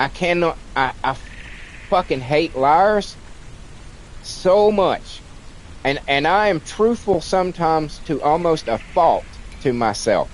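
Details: Stuttering in an adult man with a childhood-onset speech impediment, treated with speech classes in kindergarten and first grade; he says it is milder than in childhood but audible when he talks a lot.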